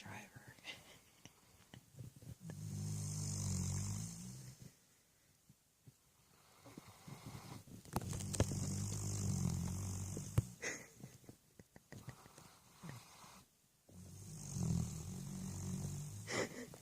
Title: My puppy snores like a truck driver